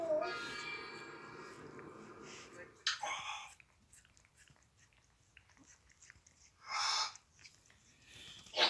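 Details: African grey parrot imitating sneezes: a few short, hissing sneeze-like bursts between quiet pauses and some chatter; imitated, not real sneezes.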